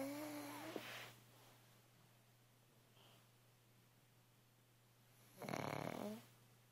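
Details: Sleeping pug gives two brief whistling, rattly snores several seconds apart over a low room hum; the owner asks if it is dreaming. Snoring in a sleeping dog.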